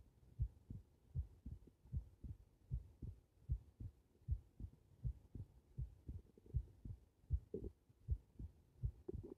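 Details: Heart recorded lying on the back: regular low paired thumps at about 78 beats a minute; heart sounds.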